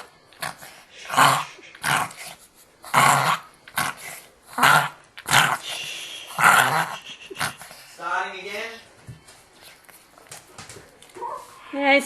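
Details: Chihuahua having a reverse sneezing attack: repeated harsh, snorting inward gasps in bursts while being calmed.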